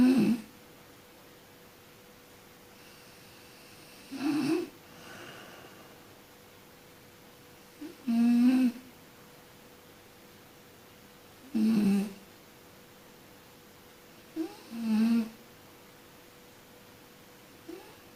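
Rhythmic, low, rattling snores, about 4 in 16 seconds (roughly 15 a minute), each on an in-breath and separated by quiet pauses.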